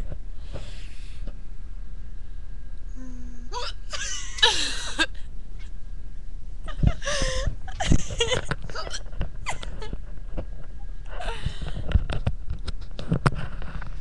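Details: Girl laughing, each laugh followed by a loud hiccup; repeated sudden hiccup squeaks mixed with giggling over a steady low background rumble; hiccups.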